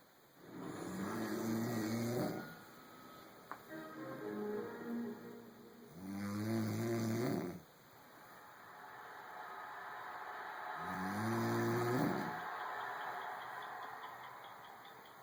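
Loud, rough snores with a low rattling buzz, about 12 breaths a minute, over television sound in a small room.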